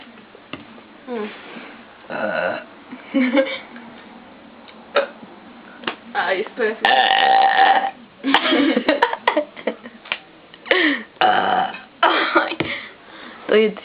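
Several loud, drawn-out belches between bursts of conversation in a small room; repeated burping.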